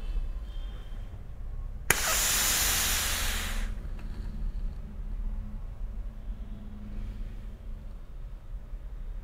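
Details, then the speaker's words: Physician demonstrating inhaler technique for respiratory patients: the inhaler is shaken and the cap opened with a sharp click, then a steady hiss of a long deep inhalation through the mouthpiece, followed by a 5–10 second breath-hold. "आपको सिर्फ मुंह के अंदर पकड़ना है और लंबा गहरा सांस अंदर ले करके कुछ सेकंड के लिए 5 से 10 सेकंड के लिए अपना सांस रोक लेना है"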